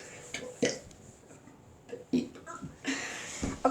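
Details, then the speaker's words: Child burping words on request, such as 'soap' and 'toilet': several short, low burps about a second apart, with quiet room noise; voluntary belching. "Say bathtub in burps. Say soap in burps. Wait, try that again. Soap. Oh, that was a good one. Say toilet in burps."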